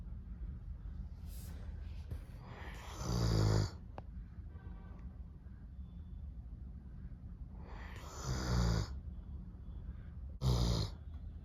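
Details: Sleeping Doberman dog gives three loud, rattling snores at uneven intervals over a steady low hum of room noise.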